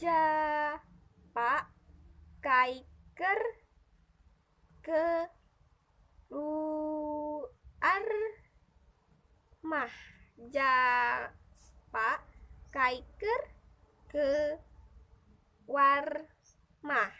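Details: Adult imitating aphasic speech; transcortical motor aphasia (acted).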